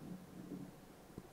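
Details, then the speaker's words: Person's stomach rumbling, a low, soft gurgling rumble lasting about a second with a faint pop near the end, while talking about food; ordinary hunger borborygmi. "some food if you all hear that that's my stomach"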